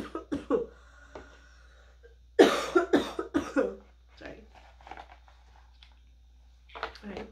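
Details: Cough from an adult woman who is still sick, with a stuffy nose, a throat that burns on swallowing and no energy, though better than the day before: a short run of several harsh, wet-sounding coughs, with quiet speech before and after in a small room.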